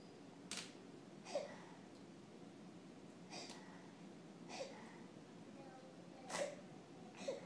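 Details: Hiccups after a tantrum: faint, regular short catches of breath, about five over several seconds, in a quiet room.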